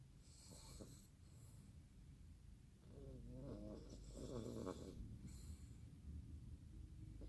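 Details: Sleeping dog, tired after a trip, snoring hard: soft snorting, rattling breaths with a low fluttering buzz on each breath; snoring.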